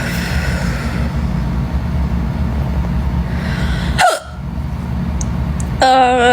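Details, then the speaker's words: A single sharp, abrupt gulping hiccup with a brief voiced sound after it, over steady vehicle rumble; a person with painful hiccups felt deep in the chest who tried holding their breath. "hiccups are the worst and I just feel like no matter what I do like I'm in here holding my breath like a freaking doofus"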